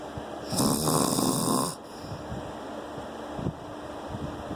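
One loud, rough, rattling snore on the breath in, then quieter breathing with room noise; snoring during sleep.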